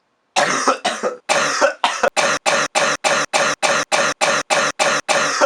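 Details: An adult deliberately coughs, giving about fifteen short, harsh coughs in quick, steady succession; a cough.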